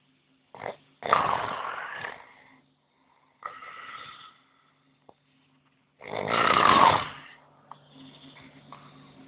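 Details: Adult man asleep after first day partying in Ibiza, June 2008: loud, rough snores on inhalation with quieter breaths and pauses between them; ordinary snoring.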